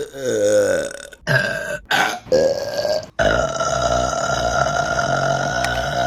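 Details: Burp compilation from March 2022: several long, loud, rumbling belches in a row in a small room.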